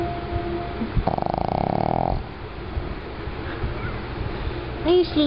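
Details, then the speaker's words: Sleeping pug, very tired after a long day of socializing, gives a buzzing, fluttering snort-snore on one breath over room noise, then a woman's voice; snoring in a flat-faced dog. "Oh my. But you'll still snore. 'Cause you're a choco."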